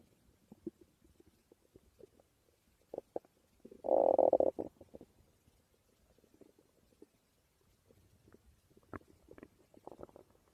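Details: Person's stomach growling: soft gurgles and clicks with one louder, drawn-out croaking growl; ordinary borborygmi from gut movement.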